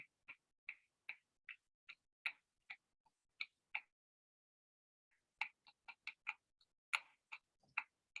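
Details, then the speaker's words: Objective myoclonic tinnitus in a 30-year-old patient: sharp, brief clicks in irregular runs, about one to three per second, linked to tensor veli palatini myoclonus. "es un tinnitus que solamente se presenta cuando el paciente abre la el manejo de esto en la literatura médica de esta patología es colocando votos a nivel del paladar a nivel del paladar blando"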